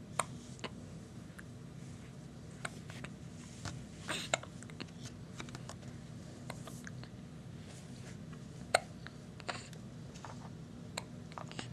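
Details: Infant hiccups: quiet, brief clicking catches recurring every few seconds over a steady low room hum.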